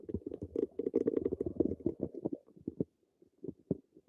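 Bubbling, gurgling rumbles in quick bursts that fade into scattered pops; ordinary stomach rumbling.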